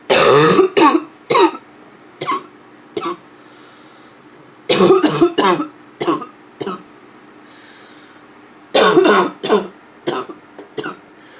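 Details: Nonstop barking cough: three bouts of harsh, hacking coughs, about eighteen in all, with some throat clearing near the end.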